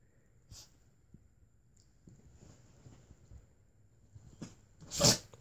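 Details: Sneezing in a male dog: a few quiet snorts, then one sharp, hissing burst of air at the end.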